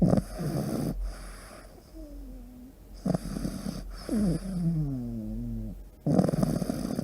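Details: A small flat-faced dog (pug) in deep sleep, snoring loudly: rattling snores about every three seconds, with whistling, squeaky sounds on the out-breath.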